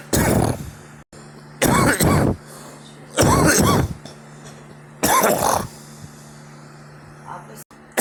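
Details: Four loud, rough coughs, some double, spaced a second or two apart, with steady background hum.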